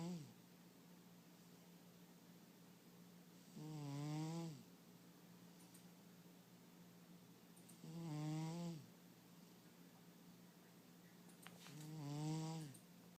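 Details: A napping cat snores softly in three slow, rattling breaths about four seconds apart; harmless snoring.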